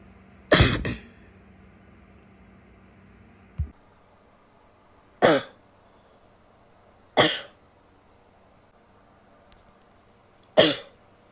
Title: coughing, some wet and barky (f)